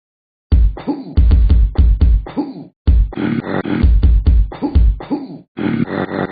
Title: Gallons of Burps